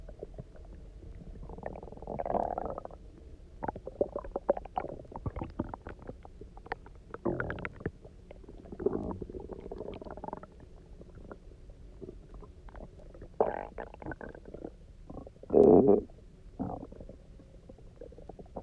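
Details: Person who had eaten almost nothing for 24 hours, then drank a lot of water and lay on their side: rolling, gurgling stomach rumbles and squeaks in bursts; hunger borborygmi (stomach growling), a normal finding.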